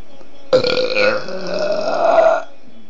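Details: A 10-month-old baby's long, low, rumbling voiced burp lasting about two seconds over a steady background hum, while being encouraged to burp; infant burping.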